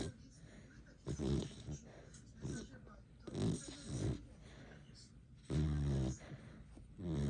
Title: We are snoring